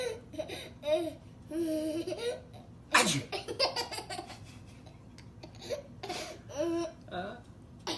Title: Baby Laughs at Dad's Sneezes - 1029054